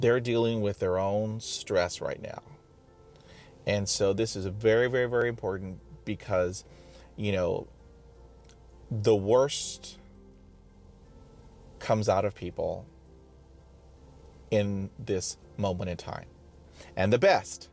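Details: Person who stutters, describing blocking while speaking; stuttering.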